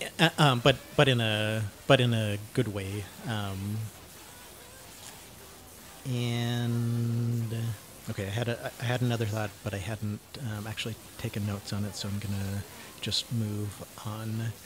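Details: Cluttering, self-described syntactic subtype, in a 49-year-old man; breakthrough at age 33, now uses learned techniques, so speech is not untreated; repetitions and interjections.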